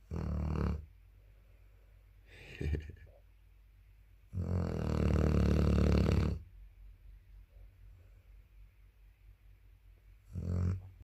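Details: Bordeaux (French Mastiff) dog asleep: loud, low, rumbling snores in long drawn-out bursts with quiet gaps between them; snoring in a large dog.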